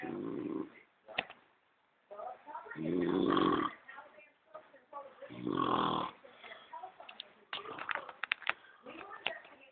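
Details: Brother snoring, hungover: irregular rough, throaty snores mixed with snorts and breath noises, on a muffled, narrow-band recording.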